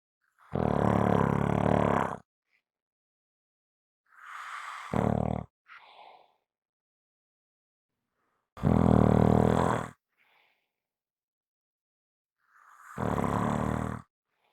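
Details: Heavy snoring: loud, rough, rattling inspiratory snores about every four seconds, with quieter snorts between them.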